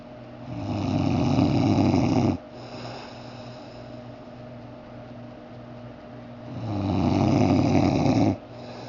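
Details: Adult man snoring in sleep: two loud, rattling snores on breathing in, each about two seconds, with quiet breathing out between; roughly ten breaths a minute.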